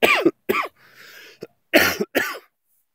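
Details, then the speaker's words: Adult man recovering from a cold ("man-flu") on a trail; four harsh, partly voiced coughs in two pairs with a breath drawn between them, a repetitive nagging cough. "yeah, you can hear the nagging cough."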